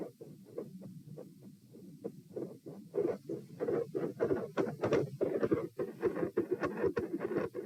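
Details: Heart sounds at position P, standing, sitting and lying: fast but soft beats, about 102–120 bpm, speeding and slowing with breathing; phasic pattern increases after about a minute and persists despite provoking manoeuvres; respiratory sinus arrhythmia.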